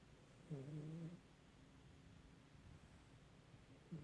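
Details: Snoring from an old cat named Snickers who snores sometimes: quiet low snoring while asleep, one clear snore and the start of another.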